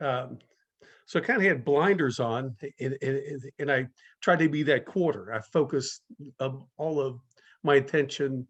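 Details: Adult speaker in a talk series run by a community of people who stutter; stuttering.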